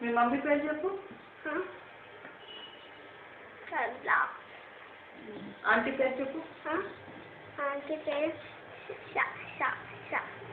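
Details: Adult woman speaking to a child; no disorder.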